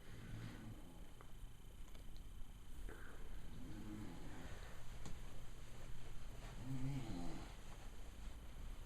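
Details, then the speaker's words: Loud, low, rumbling, heavy rattling snores recur with each breath in a quiet room, from a father, audible from another room; family suggests a sleep study; snoring. "Can you hear him? See what I have to put up with all the time? Can I sleep with you tonight? This is pretty bad. I know. Maybe he should have a sleep study."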